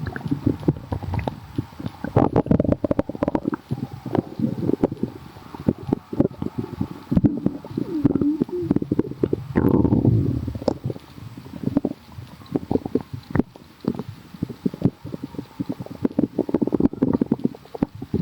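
Continuous low gurgling and bubbling rumbles from the belly, typical of active stomach growling.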